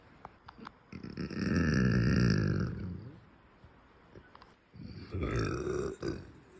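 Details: Two low, rumbling closed-mouth burps, the first long and sustained, the second shorter; ordinary belching.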